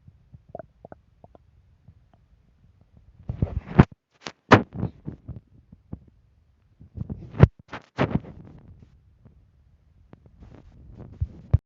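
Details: Hungry stomach gurgling: irregular low gurgles and bubbling rumbles in two clusters in a quiet room; hunger-related stomach rumbling.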